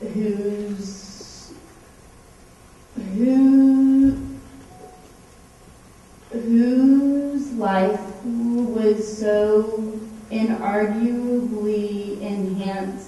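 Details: Adult woman with cerebral palsy, a medical marijuana patient, whose cerebral palsy shows most visibly as a stutter; stuttering with cerebral palsy.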